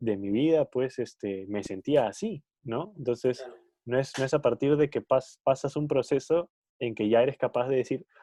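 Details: Stuttering in an adult who stutters, one of two adults who stutter in a Spanish podcast conversation.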